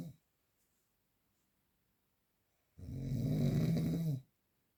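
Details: A single loud, low, rattling snore on the in-breath after a quiet pause; real unprocessed recording of snoring during sleep.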